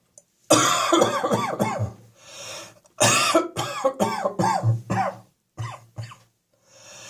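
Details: Chest and throat symptoms on a freezing winter day: two bouts of repeated harsh, rattly coughs with throat clearing, about ten in all, a chesty, wet-sounding cough.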